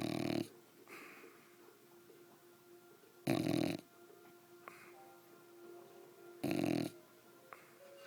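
A sleeping bulldog snores in loud rattling bursts, about 19 a minute, with quiet room sounds between them.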